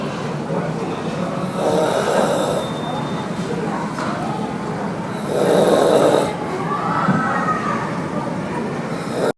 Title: Loud Snore 28